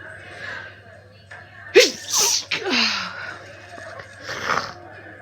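Two sharp explosive sneezes, each after a quick indrawn breath, with quiet café chatter behind; allergic sneezing from hay fever.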